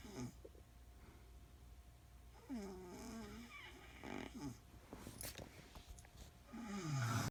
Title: My wife snoring 😴